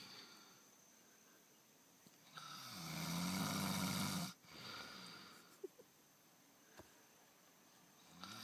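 A harsh, rasping snore lasting about two seconds, then a softer breath and light background noise. Snoring.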